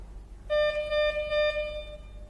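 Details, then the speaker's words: Archmed Themis-V5 syringe pump powered on with syringe installed: steady electronic tone of about one and a half seconds with slight pulsing during power-on self-test before the setup wizard. "it will taste the pump and then it will goes into the wizard"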